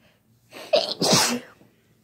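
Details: A quick indrawn breath followed by one explosive, hissing sneeze burst; an ordinary sneeze.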